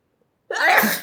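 After brief silence, a single sudden explosive sneeze with a sharp onset and a short trailing release; an ordinary sneeze.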